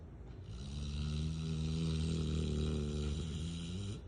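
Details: A napping female Rottweiler gives one long, deep, rumbling snore with a vibrating, fluttering tone, sustained through a single drawn-out breath. Snoring.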